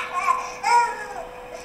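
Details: Short infant cry with clear, tonal voicing and no harsh inspiratory stridor, recorded postoperatively after supraglottoplasty for laryngomalacia.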